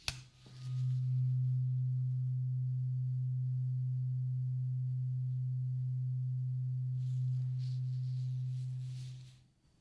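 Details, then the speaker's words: Acted ASMR ear-exam roleplay, next tuning fork of a different frequency used on the other ear, listener eyes closed, saying when the sound stops: steady low pure ringing tone held about eight seconds, then fading. "Next tuning fork. Just tell me when the sound stops. Keep your eyes closed."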